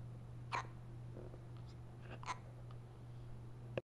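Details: Three brief, sharp, quiet hiccups, spaced irregularly, over a steady low room hum; hiccups.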